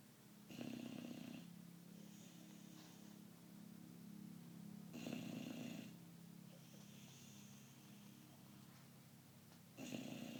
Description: My dog Juggs the American Bulldog snoring.